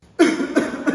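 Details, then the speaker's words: Asthma cough: deep breath before coughing, then two to three strong coughs in a row to clear inflamed, narrowed airways. Three quick strong repeated bursts typical of asthmatic cough. "in asema inflammation and narrowing of the Airways lead to this characteristic cough the deep breath is an attempt to open the Airways followed by multiple strong cuff to clear them"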